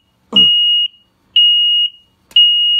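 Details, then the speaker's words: Repeated loud, high-pitched half-second beeps about once a second: SmartMonitor 2 apnea monitor alarm for loss of heart rate and breathing, triggered by self-test. "if you don't see these LEDs or you don't hear the alarm then when the LED stops flashing"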